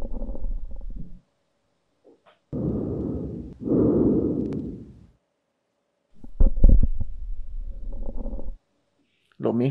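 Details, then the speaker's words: Lung auscultation on the Paciente 360 virtual patient simulator during the physical exam: soft rushing breath sounds through a stethoscope over a few slow inhale-exhale cycles. "Cuando vamos para auscultación pulmonar, él va a auscultar el pulmón, él va a escuchar."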